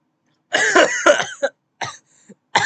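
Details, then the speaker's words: Person sick for a few days, suspects allergies, after sore throat and before sneezing: a few short, rough, crackly "crunchy" dry coughs in quick succession. "first it was a sword throw then it was a lot of crispy coughs and then it was me projectile sneezing on everything"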